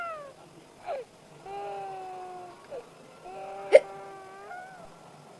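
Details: Sharp, abrupt hiccups between sustained background music, during a hiccup challenge after eating green chili.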